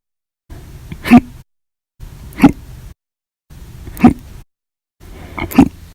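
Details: Hiccups recorded during August 2019: four abrupt, sharp voiced catches, each a brief gulping burst over faint room noise; hiccups.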